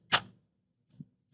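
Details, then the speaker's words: Harmonic ultrasonic scalpel setup: the transducer's white dot is aligned with the white dot on the generator and pressed in until a single sharp click locks it, followed by faint handling taps; connector click. "look at the white dot here, and then you match it with the white dot on the electric generator, and then you press it till you hear this"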